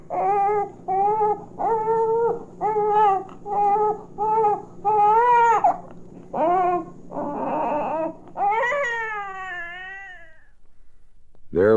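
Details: Young infant crying from hunger, from a 1967 recording of babies' sounds for expectant and new parents: rhythmic, strong cry bursts alternating with softer fussing; a normal, healthy infant cry.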